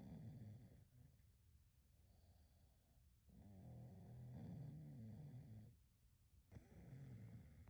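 Low rumbling snores, rising and falling with each breath, in a quiet room; a sleeping dog snoring.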